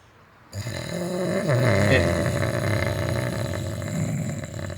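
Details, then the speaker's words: Simulated, from a short film: a man's loud, rough, rattling snore on a single breath in while sleeping, snoring less on his other side; partner blames allergies; snoring. "Sorry, it's just your snoring's not so bad when you're facing that way for some reason."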